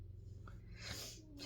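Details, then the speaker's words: Snoring from a slightly overweight female black-and-white cat napping indoors. "Alors, ce que vous entendez ronfler, c'est mon chat. Enfin, un de mes chats."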